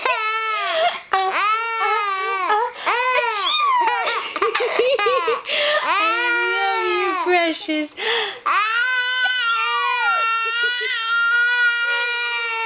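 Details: Infant boy who has a fever: sustained high-pitched voiced crying and fussing wails, continuous with brief pauses for breath.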